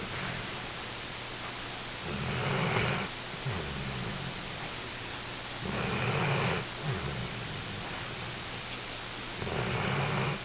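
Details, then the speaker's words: Cletus snoring: rhythmic rattling snores on the in-breath, each followed by a softer out-breath, about 16 breaths a minute, while he naps. "louder, louder. He's trying to get a nap here."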